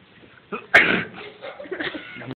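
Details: Students having a sneezing race and trying to force a sneeze: a short indrawn breath, then one sharp explosive burst of air with a trailing noisy exhalation, a single sneeze.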